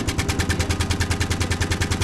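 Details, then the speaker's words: HFO 3100B high-frequency oscillatory ventilator at its normal running sound: rapid, even thumping of about ten pulses a second, noted as noisy. "Which for babies who you should have to worry about noise about, it's not a great machine, but it does the job."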